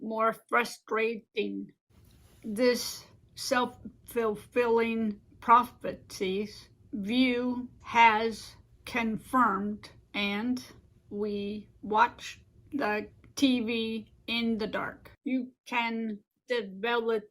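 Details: Adult woman living with aphasia and apraxia since a stroke 15 years ago: aphasia with apraxia of speech.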